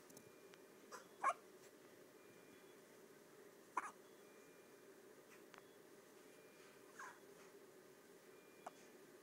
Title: the cutest baby hiccups ever